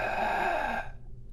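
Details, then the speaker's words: Imitated, not a real patient: harsh, unpitched rushing inspiratory noise without vocal tone, as in subglottic or tracheal stenosis; stridor-like noise. "you never hear vocal noise you don't hear the sound you hear a harsh inspiratory noise it sounds kind of like"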